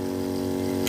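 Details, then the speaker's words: Nebulizer compressor under repair, broken neutral/phase wires found, test-run on mains after a series-lamp check: loud steady motor buzz with strong low hum, motor running much better and in working condition. "आप देख सकते हैं कि अपनी motor पहले से कहीं गुना ज़्यादा चली है, इसका मतलब अपना मोटर भी एकदम वर्किंग कंडीशन पे है, कोई इसमें दिक्कत नहीं आने वाली है।"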